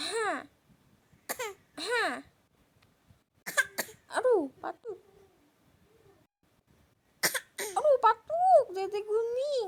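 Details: An exaggerated, acted cough from a young child, amid laughter and chatter.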